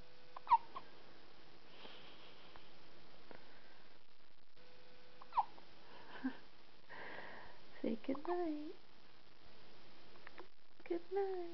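Quiet room with brief, high squeaky hiccup sounds every few seconds and some soft vocal noises; squeaky hiccups.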